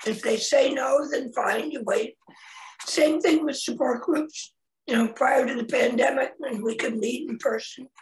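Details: Adult man, 25 years after total laryngectomy for head and neck cancer in 1996 at age 41, with primary tracheoesophageal puncture and secondary prosthesis placement; tracheoesophageal speech.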